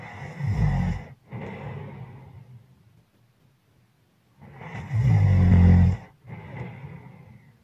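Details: Snoring progressing from heavy breathing to loud snoring: loud, rattling snores on each breath in, with softer breaths out; heavy snoring.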